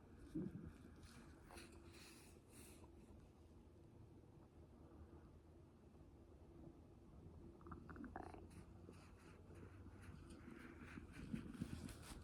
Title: Stomach noises after a full meal